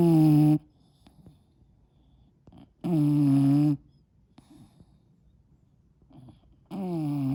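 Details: English Bulldog with loud, drawn-out, rattling snores, three in about seven seconds, with quiet gaps between. Heavy snoring.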